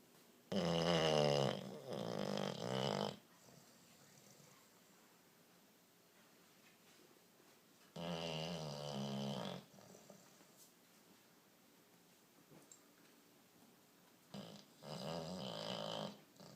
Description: Snoring bulldog, tired dog, funny dog